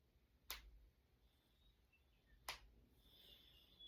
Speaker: I'm gonna crack my fingers because I want to and it feels good. I have to crack them.